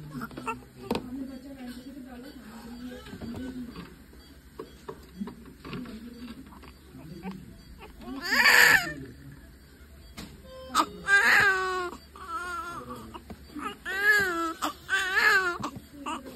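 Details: Newborns shortly after birth: brief high-pitched cries in bursts over room noise and faint talk; ordinary newborn crying.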